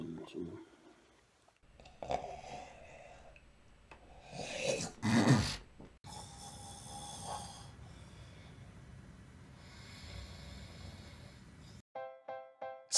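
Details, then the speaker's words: Rough, rattling snores with a loud snorting inhalation during sleep; snoring, described as a possible sign of sleep apnea with an obstructed airway. "Snoring is a sign of sleep apnea, an underlying medical condition many men and women develop as they age that causes their airway to be obstructed during sleep."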